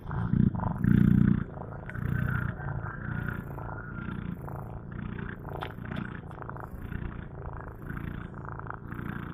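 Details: Sleeping cat snoring: rhythmic, rumbling breathing noises, soft snore with each breath.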